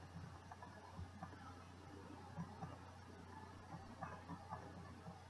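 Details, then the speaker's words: Percussion of the abdominal lower quadrant during a gastrointestinal exam: soft paired taps give a hollow, drum-like tympanic note, the expected normal finding from an air-filled abdomen. "Moving down to the lower quadrant. And I heard a tympanic sound."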